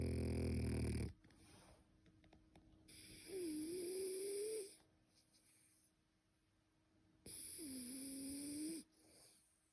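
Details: Loud rasping snores on in-breaths, about two per ten seconds, with faint whistling tone and quiet breathing between, from a sleeping male French bulldog; snoring.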